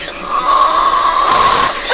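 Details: A friend who fell asleep during a trip gives a single loud, rasping inward snore with a steady buzzing tone over a noisy background; snoring.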